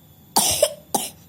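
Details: Baby boy coughing: two short coughs in quick succession.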